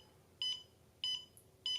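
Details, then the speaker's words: Fingertip pulse oximeter with the beep setting switched on: regular short beeps about every 0.6 seconds, roughly 97 a minute, each marking a detected pulse, confirming the finger is placed correctly. "Comme ça, c'est un bon moyen de savoir si la prise arrive à se faire, parce que du coup, on a les bips au moment du pouls. Voilà, donc quand on a les bips, ça veut dire que c'est bon. Il a bien capté le flux sanguin."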